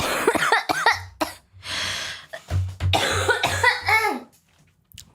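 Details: Girl who says her throat hurts: a run of repeated dry coughs with vocal catches between them, breaking into bursts over about five seconds.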